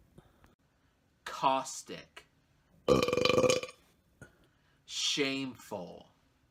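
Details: Repeated deliberate belching in a belch montage: three loud, drawn-out voiced belches with a rumbling low tone, one long and steady.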